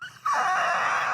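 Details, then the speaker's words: Adult smoker, cutting down from a pack a day to 5–7 cigarettes a day and possibly allergic to dust, deliberately imitates his wheeze: a brief, sustained, whistling groan-like sound; imitated wheeze. "So like, I went to my doctor and I told him that like when I wheeze, like"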